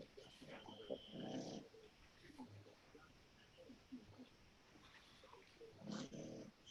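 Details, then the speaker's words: A boxer dog snoring: two rough, low rattling breaths about five seconds apart over quiet room noise. "Is that the pug? Yes, she snores. She snores. Oh, no, that's the boxer snoring."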